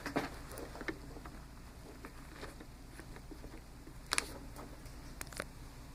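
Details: A small travel CPAP machine (DreamStation Go, AirMini or Transcend) running at 10 cmH2O with flex 3: a quiet, steady low hum and faint airflow with occasional light clicks.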